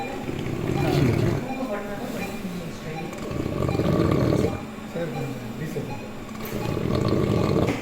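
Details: Three loud, rough, low rattling inspiratory snores with quieter gaps, about 23 breaths a minute, heard during DISE; snoring from multi-level airway obstruction with epiglottic collapse.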